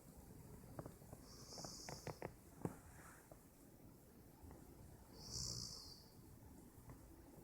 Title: My roommate snores.